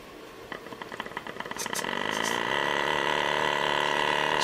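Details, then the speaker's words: Quiet pump starting with quick pulsing that speeds into a steady motor hum. A negative-pressure wound vac on a chest wound, with sponge under plastic film, works against a deliberately introduced leak; set point 125 mmHg. "you see this is a measurement of the actual vacuum produced in millimeters of mercury machine is very quiet right now"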